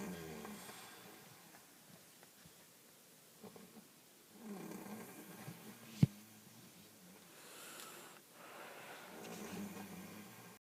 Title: My dad snoring